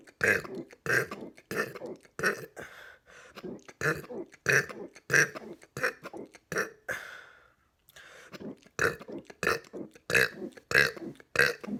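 A quick run of about 18 short burps at a steady pace, roughly 90 a minute, with brief pauses.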